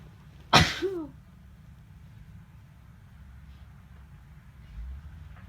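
One sharp, explosive sneeze with a brief trailing vocal sound, then quiet room noise; an ordinary sneeze.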